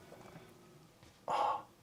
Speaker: you hear that that was my stomach that wasn't an earthquake